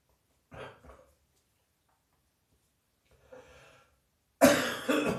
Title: Heavy Chest Cold Night Coughing